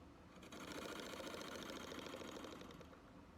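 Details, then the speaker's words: Simulated nurse role-play: after a deep breath, air is blown into the mouthpiece of a breathing treatment device, giving a soft rapid fluttering buzz lasting about two seconds. "so you're gonna take a deep breath before you do it and then you're gonna blow into it okay"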